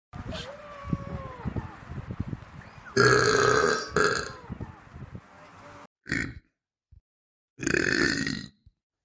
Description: Please enjoy this short educational documentary on animal burping.